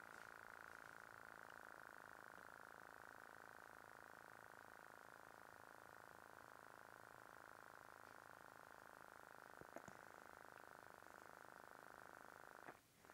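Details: iNAP intermittent negative air pressure device for obstructive sleep apnea, demonstrated by a sleep technologist, switched on to suction the mouth closed and pull soft palate, uvula and tongue forward; faint steady low pump hum with soft whirr.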